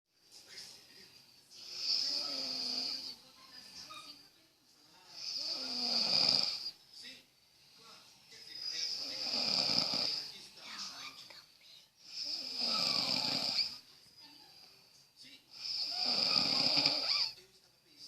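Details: Loud, hissing, fluttering snores on the in-breaths, about 17 breaths a minute, with softer out-breaths between them; a person snoring while asleep.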